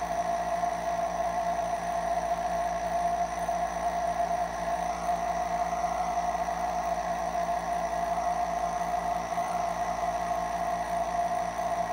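A steady, even mechanical hum with a constant buzzing tone throughout, the continuous motor sound of a nebulizer compressor running.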